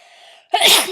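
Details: A quick indrawn breath followed by one loud, wet, explosive sneeze, performed on request.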